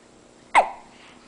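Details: Baby boy during tummy time: a single short, sharp voiced catch in a quiet room; a hiccup.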